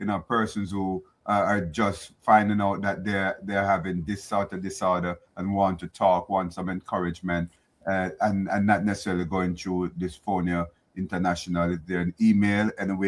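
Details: Adult male speaker; normal speech.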